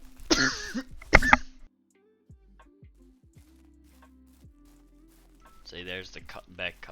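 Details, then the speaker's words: Two harsh, forceful cough bursts from an adult gamer during a live stream; the gamer says the cough sounds really bad but they don't feel anything. Quiet room with faint background music and speech. "cough that I was talking about. It sounds like it's really bad, but I don't feel anything, so I don't understand it."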